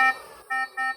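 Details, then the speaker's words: RespiraWorks ventilator test, not a patient, at 21% oxygen after running 10 to 30 breaths per minute; stopping the ventilator triggers repeated short electronic tones: patient disconnection alarm. "stop the ventilator, which again sets off the patient disconnection alarm."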